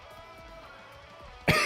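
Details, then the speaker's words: Adult sick for about four days, with a hoarse voice and ongoing coughing and hacking: soft guitar music, then a single sharp cough burst. "yeah excuse my voice and coughing and hacking I've been sick for a few days maybe four days now"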